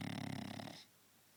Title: My snoring French Bulldog!